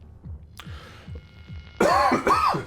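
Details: A single harsh cough from an adult getting over an illness with a recent fever, heard over rhythmic background game music.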